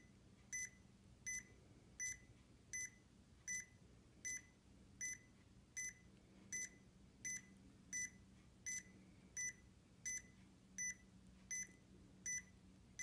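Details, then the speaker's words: DB Power automatic upper-arm blood pressure monitor worn on the lower arm, inflating and taking a reading: steady, regular high beeps, about 82 a minute, over faint room hum. "I mean it should just start automatically here and it just starts kind of pumping up I may not get a very good reading since I'm doing it on my lower arm"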